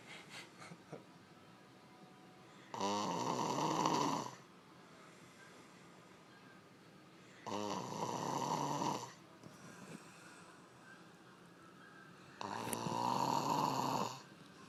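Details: Snoring during sleep: three loud, rattling snores about every five seconds, about 12 breaths a minute; the snorer reportedly believes she doesn't snore.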